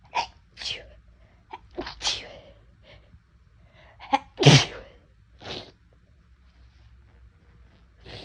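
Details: Sneezes deliberately induced from a nose that felt unusually sensitive that day: several sharp sneezes with quick inhalations between, one much louder burst in the middle; repeated sneezing.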